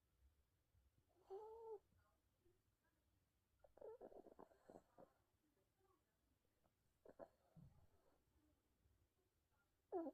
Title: 코 골며 자는 12살 귀염이 #강아지 #dog snoring